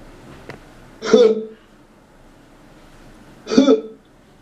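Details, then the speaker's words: Simulated agonal gasping, imitated by a speaker describing cardiac arrest signs (not breathing normally, no heartbeat): two short, harsh, throaty gasps about two seconds apart. "they'll have what they call agonal gasping sounds which sounds like this"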